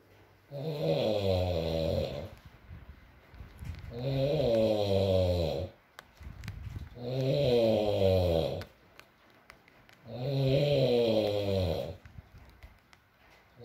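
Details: ASMR recording of a sleeping adult male: loud, rattling inhaled snores about every three seconds, near 19 a minute, each over a second long with quiet gaps between; snoring.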